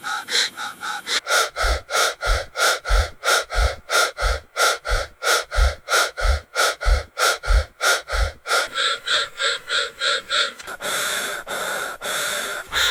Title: Anesthesia Machine Breathing Loop Sound Effect